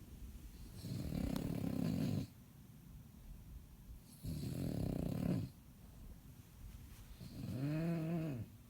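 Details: Bulldog asleep and tired after a long day, snoring: three rattling snores, each about a second long, with quiet gaps between them.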